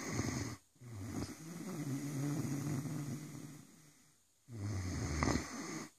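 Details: A sleeping Great Dane snores with deep, rumbling rattles on long breaths, broken by brief quiet gaps.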